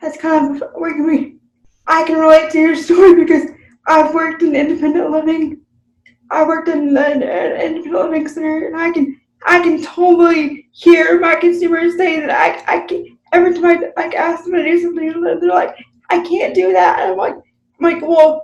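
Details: Adult woman with self-reported cerebral palsy, real unscripted podcast conversation; finding: dysarthric speech in cerebral palsy.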